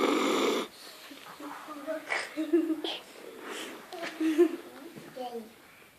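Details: Soft, whistling, squeaky breath noises come in irregular bursts after a brief rustle, from someone who fell asleep upside down: light snoring during sleep.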